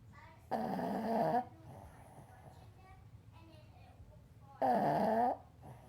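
Two loud rattling, buzzing breaths about four seconds apart with quiet between them; snoring from a small dog.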